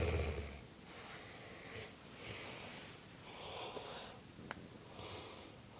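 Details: Loud, raspy snoring with snorting breaths, roughly two breath cycles over six seconds; the source is unclear, and the uploader jokes it could be something else.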